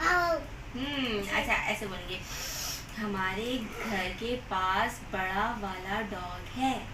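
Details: Adult woman; typical speech.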